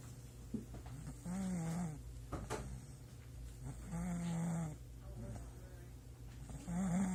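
Loud, rough snores on each breath in, about 20 a minute, with quieter breathing between them; steady snoring.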